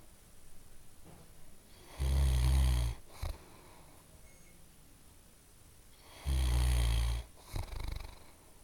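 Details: Old dog snoring loudly: deep, loud snores about 14 a minute with quiet pauses between breaths; snoring.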